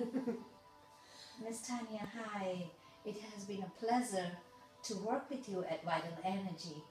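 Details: Adult female speaker; normal speech.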